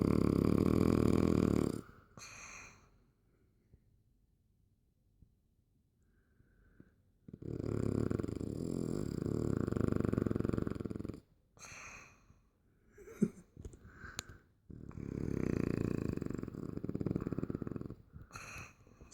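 Loud, coarse, rumbling snores in long bursts with pauses and snorts between them; heavy snoring from a flat-faced dog's narrow upper airway.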